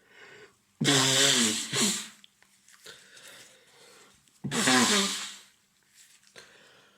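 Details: Acted role-play of an adult man with a cold: two forceful sneezes about four seconds apart with sniffles between them; simulated sneezing.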